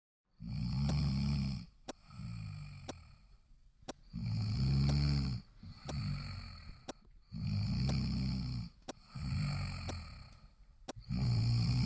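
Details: Heavy snoring, shown alongside anti-snoring nose vent clips: loud rough rattling breaths in repeated cycles, about 17 a minute, with clicks between.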